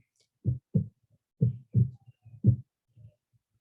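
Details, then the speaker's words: Simulated pulsatile tinnitus played as an example: soft, low, paired thumps at about 60 a minute, rhythmic beating in time with the heartbeat. "si me dicen si se escucha algo así sería escuchar una cosa no pulsátil que coincide con el latido cardíaco"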